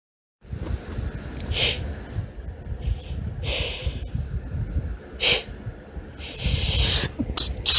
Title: Girly High-Pitched Sneezes with some Hitching! (F)